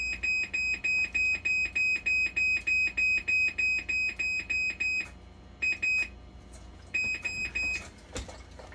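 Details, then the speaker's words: Rapid regular high-pitched beeping, about 200 a minute, stopping and restarting: hemodialysis machine alarm signalling a persistent low-flow error despite replaced bulbs and parts, during technician troubleshooting. "Low aero ruwan pa rin. Tatry kong checkin yung electronic na ito, mama. Minsan nagbibigay din niya ng flow error."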